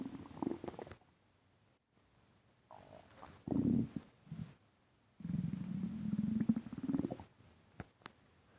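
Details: Stomach rumbling with breathing in and out: low gurgling abdominal rumbles in bursts, separated by quiet gaps and a few brief clicks; borborygmi.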